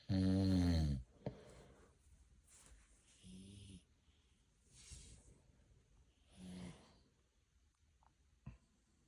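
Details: Husband asleep, one loud deep rattling snore, then softer snorts and whistly breaths in a quiet room; adult snoring.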